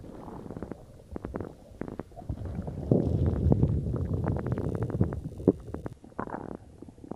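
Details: Stomach growling after drinking cola: low gurgling and rumbling with rapid irregular bubbling pops, bowel sounds (borborygmi).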